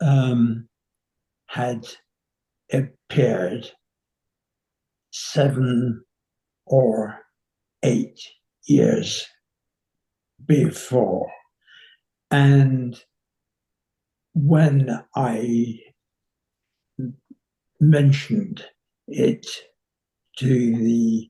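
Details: 85-year-old man with nonfluent variant primary progressive aphasia confirmed by a neurology specialist, symptoms seven or eight years before diagnosis, little prior speech therapy; slow, effortful speech with many pauses and fillers heard.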